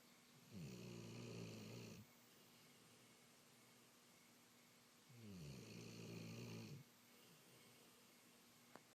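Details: Sleeping dog: two long, low, vibrating snores about five seconds apart, with quiet breathing between and a faint steady hum behind; snoring.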